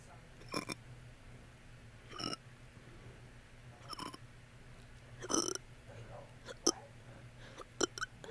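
Several short, sharp burp-like bursts at irregular intervals over a quiet background, fitting hiccup burps.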